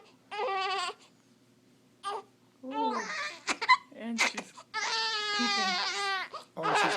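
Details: An infant with hiccups cries angrily in repeated bursts of loud, tonal wailing, with brief pauses and short fussy sounds between the wails.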